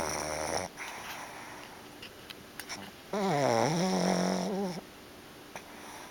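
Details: Pet snoring while asleep and dreaming, eyes moving: quiet breathing, then a long, rough, rattling breath with a vibrating pitch in a quiet room.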